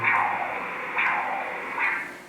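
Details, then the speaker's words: Carotid Doppler flow from the neck artery of a man: pulsing whooshes with slightly uneven spacing, a longer pulse, not AFib, likely physiological breathing-related variation; respiratory sinus arrhythmia. "So he has a longer pulse here. So he is again maybe stressed, but again or a little bit of irregular heartbeat."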